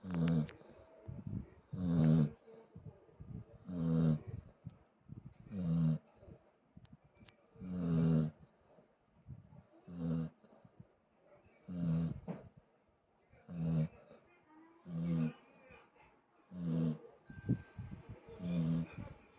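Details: Loud, regular snorting snores, about 30 a minute, from a dog sleeping deeply after lunch in an air-conditioned room; harmless sleep snoring.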